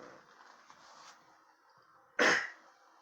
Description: Friend coughing but said don't trip it's not COV19...